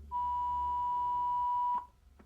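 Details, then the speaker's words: Simulated rescue on a ZOLL AED Plus Trainer2 training defibrillator: after pads attached and analysis, unit announces "shock advised, don't touch patient, press flashing shock button"; single steady high-pitched tone under two seconds, the shock-delivery tone. "shock advised don't touch patient press flashing shock button"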